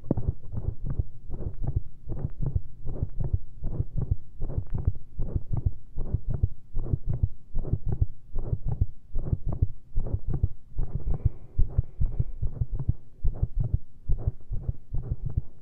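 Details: Heart recorded with a stethoscope and lav mic after drinking lots of caffeine, during a standing push into pressure: loud, fast heartbeat with an uneven rhythm, many early beats followed by pauses; frequent skipped beats from premature ventricular contractions (PVCs).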